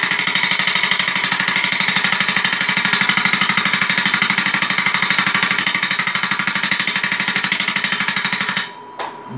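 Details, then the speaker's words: A shockwave therapy (ESWT) machine, model SW7, used for a cellulite treatment: rapid, regular mechanical tapping from the handpiece at about three pulses a second, stopping near the end. "é uma máquina está batendo mas é aí que o importante é a velocidade que ela bate e isso causa esse deslocamento de ar que a gente chama de aula e só é isso"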